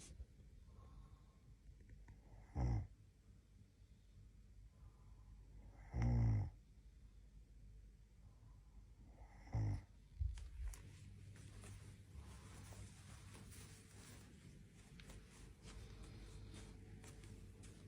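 Three short, deep snorting snores come about every three and a half seconds against low room hum. This is snoring at roughly 17 breaths a minute.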